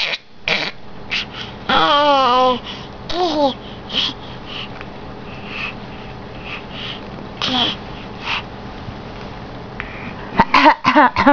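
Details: An infant makes short throaty cough-like bursts between voiced babbles, playfully copying an adult's cough: imitated cough.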